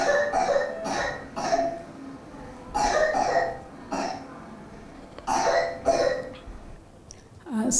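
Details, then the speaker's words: A 7-year-old girl's three clusters of loose, rattly coughs, two or three bursts each. Wet cough, raising the thought of protracted bacterial bronchitis (PBB). "so yeah so this is typically the wet cough and if the child is having wet cough for no other symptoms except for wet cough no loss of appetite, no fever and no breathlessness and this kind of a wet cough."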